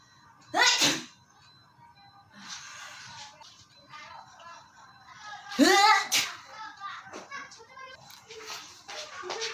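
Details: Comedy skit acting out types of people sneezing: two loud, sharp sneeze bursts with quieter vocal sounds and some music between them; sneezing.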